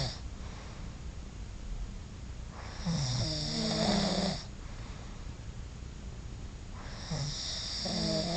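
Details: Loud snoring: two loud, rattling, buzzy snores on the in-breaths about four seconds apart, with quiet breathing between, in a small quiet room.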